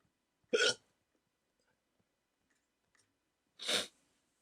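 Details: Waking from sleep with a CPAP mask during sleep apnea treatment, in a rare 14-minute hiccup attack: two short, sharp gulping hiccups about three seconds apart with quiet between, part of a run of hiccups.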